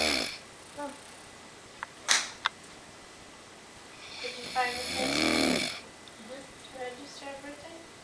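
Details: One loud, harsh, rattling snore lasting over a second, with quiet talking and knocks in the room: a brother asleep on the couch, snoring really loudly.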